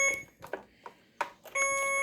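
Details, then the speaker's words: Alaris PCA pump set up with CO2 monitor on the right and primed tubing connected to patient; button clicks after pressing start, then steady high-pitched electronic tone: infusion pump reminder alarm before the loading dose. "so we're going to exit out of that and then just hit start and it's going to remind"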